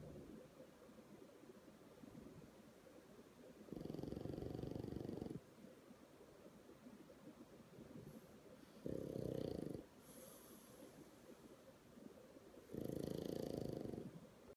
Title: Pug snoring raising leg in his sleep